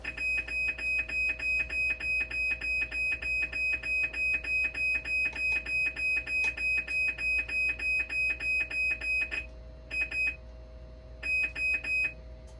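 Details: Minor blood leak alarm on a dialysis machine during repair, rechecked after calibration to see whether the leak alarm recurs: loud rapid repeating high beeps, about three per second, stopping and restarting near the end.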